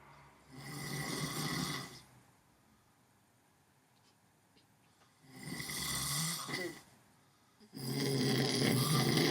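Loud, rough, rattling snores on each breath, three in about nine seconds, with quiet pauses between them.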